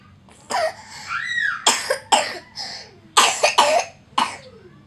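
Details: About five to six short, sharp, harsh cough bursts from a child, recorded to show the doctor, with quiet room noise between them.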